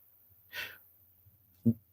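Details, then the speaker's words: A single loud adult sneeze picked up during a live radio stream broadcast: a hissing burst followed by a short, sharp explosive sound. "That was the loudest sneeze I've ever heard. Did you guys hear that?"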